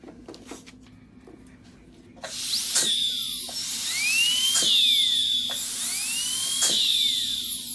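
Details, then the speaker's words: Dental air-turbine handpiece being tested after reinstalling on the line: high-pitched whine spinning up steadily with pitch sweeps at start and stop; handpiece running. "and then we'll take and turn that on. That's, I'm telling you, that is very smooth, nice and tight."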